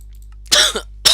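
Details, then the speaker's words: One loud sharp cough close to the microphone, then the start of a second, over a faint steady hum, from a French speaker during Minecraft gameplay commentary. "Oh, excusez-moi, je vais tousser, ça a dû être horrible pour vous."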